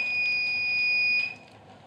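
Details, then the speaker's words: Electrocautery tool tone during ear surgery on a cat named Ocean: a steady high electronic tone that stops abruptly, confirming the tool is working, with low room noise. "Beware surgery phobes. That's the sound of a cauterizing tool, which means..."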